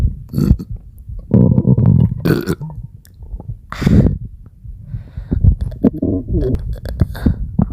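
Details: Repeated loud, low, drawn-out belches (eructation) with gurgling gas and stomach sounds between them.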